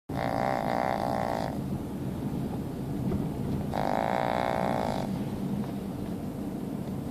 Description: 9-month male fawn pug in the car, snoring.